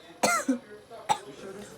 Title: I js can’t stop coughing